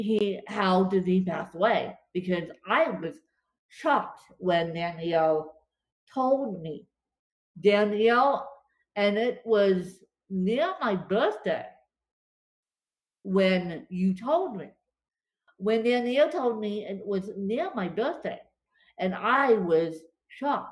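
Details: Dysarthria from cerebral palsy affecting limbs and brain in a female speaker; she reports speech more tongue-tied than usual after a bad spasm day.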